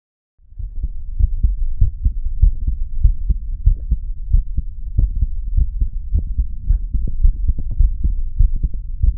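Steady low heart thumps repeating throughout over a constant low rumble, consistent with an ordinary heartbeat.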